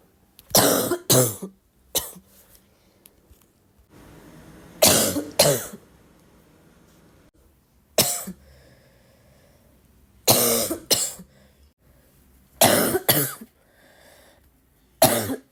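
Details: Person gives repeated harsh coughs in pairs, about ten bursts in clusters with quiet gaps, with exclamations of pain nearby; recurrent coughing.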